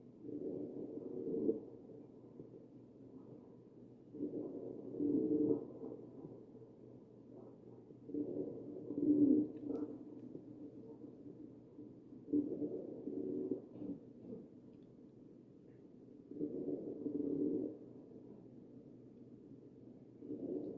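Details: Wheezing over the chest of a real mechanically ventilated patient: ventilator-delivered breaths about every four seconds, each carrying a low musical wheeze.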